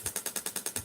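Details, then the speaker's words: Radial (mechanical, not electric) shockwave therapy device firing low-energy acoustic waves while held on the skin and moved along the tissues. Rapid, regular, noisy mechanical clacking pulses, about ten per second. "it's not electric as mechanical so um it's quite noisy so i'll show you how it works in a second it's low energy sound waves essentially which increases the blood flow flow to the injured area"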